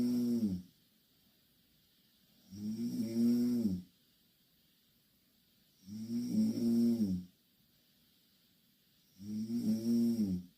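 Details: Two Korean girls sleeping in the same bed, snoring loudly: loud, regular, buzzing snores with a droning tone, about 19 a minute, separated by quiet; heavy snoring.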